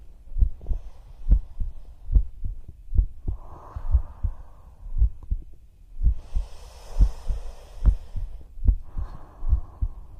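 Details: ASMR roleplay with a whispering female voice, her own heartbeat heard at her chest: steady low double thumps at about 70 beats a minute with soft rustling between; normal heart sounds.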